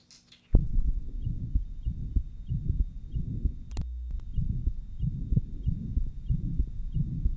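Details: 1955 Johns Hopkins heart sound laboratory recording of tetralogy of Fallot after a Blalock-Taussig shunt: rapid heart sounds buried in a loud, near-continuous low rumbling murmur.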